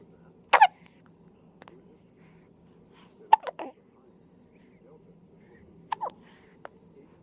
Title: First hiccups in the hospital